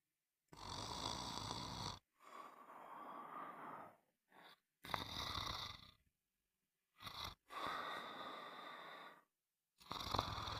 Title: Sound of snoring for a good night sleep